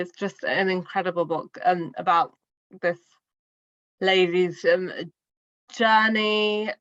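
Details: Adult woman who stammers, speaking in a podcast interview; finding: stuttering.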